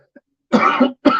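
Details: Adult who reports wheezing from a condition that flares up heavily gives two short, harsh cough bursts close together, with a hint of throat clearing.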